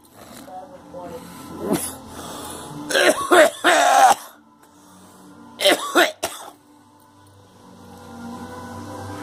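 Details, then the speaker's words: Adult coughing in two harsh, throaty bursts with throat clearing after smoking sage and dry stem rolling tobacco that went up the nose; irritant cough from inhaled smoke. "No, it's the stem rolling tobacco. Some of it's too dry. Damn it. Well, but the sage is right up my nose, that's why."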